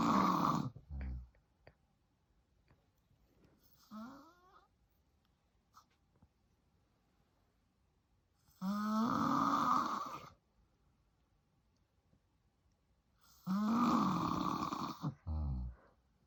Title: FILMING MY DAD SNORING AND MOVING BACK IN WITH HIM (I WAS SO HAPPY!) ENJOY! 😂